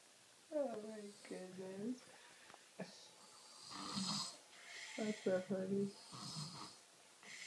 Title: Snoring baby